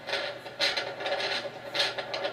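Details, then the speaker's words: Doppler auscultation over an adult woman's temporomandibular joint during rapid jaw opening and closing: scratchy, crunching bursts from synovial fluid turbulence, a false positive rather than true crepitus. "what you'll notice is I ask to move quickly because when she moves quickly I hear a lot of crunching noises that's actually turbulence in the sovial fluid because she's moving so quickly"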